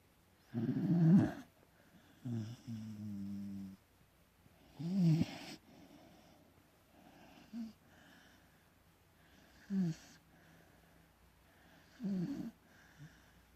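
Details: Sleeping beagle snoring: low rattling snores with each breath in, about 15 breaths a minute, separated by quiet pauses.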